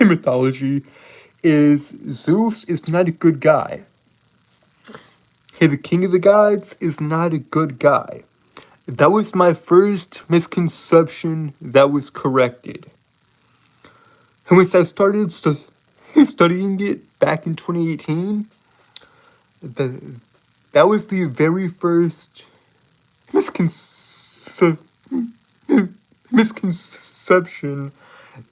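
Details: Adult male streamer with a self-reported speech impediment, with frequent word and phrase repetitions; speech impediment with disfluencies.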